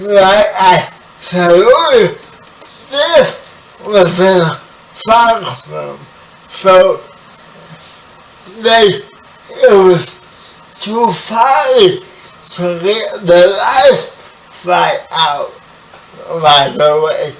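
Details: Spastic dysarthria in a 30-year-old man with spastic quadriplegic cerebral palsy, who was born 11 weeks premature.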